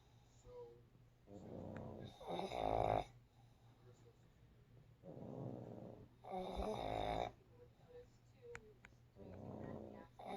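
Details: Two pugs napping: rattling, snorting snores on both in- and out-breaths, about 12 breaths a minute, with soft whistles between; snoring.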